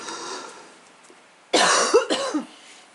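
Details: Adult, after a quiet stretch of faint room noise: two harsh, abrupt coughs in quick succession; cough.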